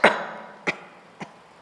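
Three short, dry coughs from an adult, the first strongest, performed as a demonstration.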